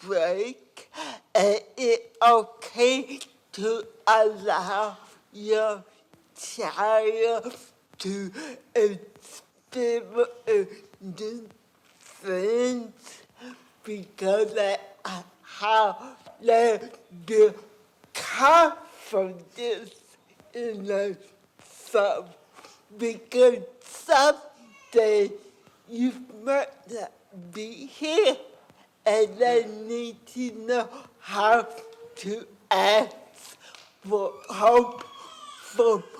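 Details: Adult woman with cerebral palsy and a lifelong speech impairment who first spoke at age four; dysarthria in cerebral palsy.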